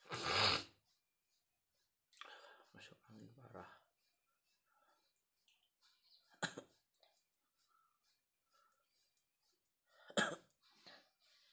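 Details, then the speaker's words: Adult man with masuk angin, feeling feverish and unwell in rainy weather, coughing at dawn during kerokan scraping by his wife: three separate harsh coughs spaced seconds apart, faint rustling between. "Nah, Menangis tuh batuk-batuk."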